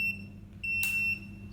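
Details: Oxyhope oxygen concentrator motherboard: high-pitched electronic alarm tone sounding twice, the second longer, the low oxygen concentration alarm.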